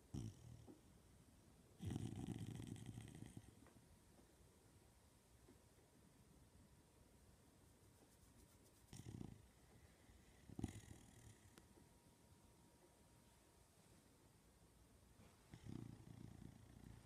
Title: My doggo snoring